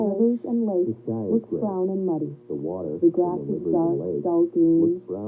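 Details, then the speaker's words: Simulated moderate to severe high-frequency sensorineural hearing loss: speech in a little background noise sounds muffled, mumbled and underwater-like, so you must concentrate to find the voice. "just notice how everything just sounds a little bit kind of underwater a little bit muffled"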